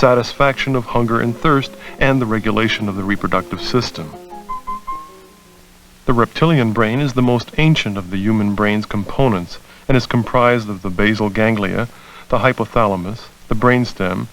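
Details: Adult male narrator; normal speech.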